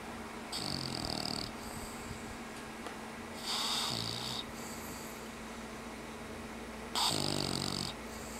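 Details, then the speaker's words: Pet snoring during a nap after playtime: three rattling, snorting inhalations about three seconds apart, with a steady hum in the room. "And that was your momentary snore break."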